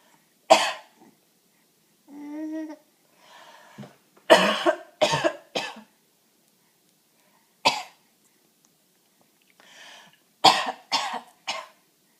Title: Laughing at mama coughing